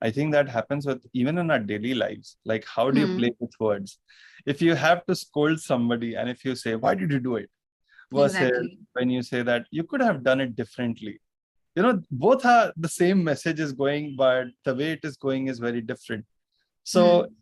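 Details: Adult speaker; fluent conversational speech.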